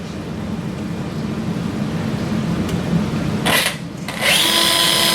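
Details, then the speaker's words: Simulated wrist total arthroplasty on a Sawbones model: a carpal twist drill on a quick-connect driver is run over the guide pin into the capitate until flush with the articular surface. Steady surgical power drill whirring rises in pitch near the end. "Drive the carpal twist drill over the guide pin until the shoulder of the drill is flush with the articular surface of the"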